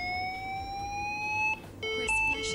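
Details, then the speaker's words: Simulated AED on a training simulator, with the rhythm set to VF and CPR turned off: the voice prompt says shock advised, then a rising electronic whine and steady alternating beeps; AED charging tone. "clear shock advised charging do not touch patient so it's recognized it as as the F written it's going to start charging"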